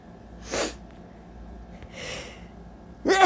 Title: Allergy sneezes/coughs (it's SOOOOO HOT out today🥵☀️)🤧😫